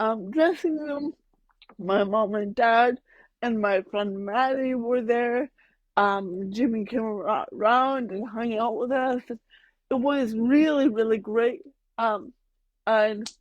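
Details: Adult woman with mild cerebral palsy that she says mainly affects her speech and motor skills, speaking in a podcast interview; dysarthria.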